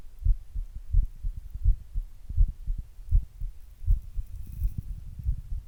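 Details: Muffled low thumping heartbeat, about 80 beats a minute, with some rumbling; normal resting heart sounds before exercise, self-recorded with an earbud microphone and a glass.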